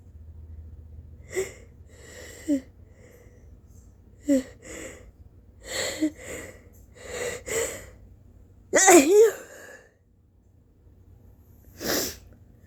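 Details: Early-morning sneezing fit right after waking: a run of repeated sneezes with gasping in-breaths and wet, very snotty nose blowing between them, in an adult exhausted by recurring sneezing attacks.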